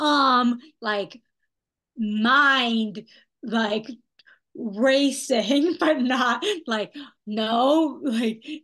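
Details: Young woman who had a stroke at age 27 with post-stroke aphasia, after intensive rehabilitation program; aphasia.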